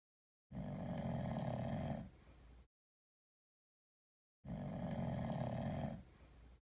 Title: Sleeping cat snoring like a human. 1